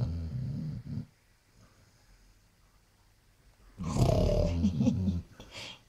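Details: Sleeping basset hound snoring: loud, low rumbling snores with a quiet pause between breaths.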